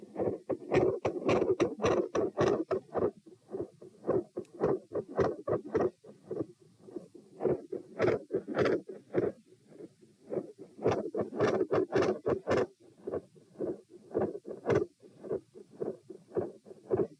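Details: Heart sounds recorded at position P on a repeat (second) test: a pronounced respiratory phasic beat pattern persists despite provoking manoeuvres, rate 90-72-96-90-102 bpm, mostly quiet with intensity rising at the end.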